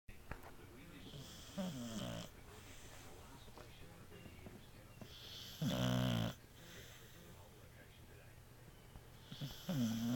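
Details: Beagle napping, recorded April 12, 2009: loud rattling snores every few seconds, about three in ten seconds, over quiet room noise; snoring.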